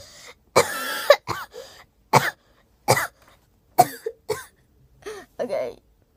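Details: One cough from the speaker partway through talking.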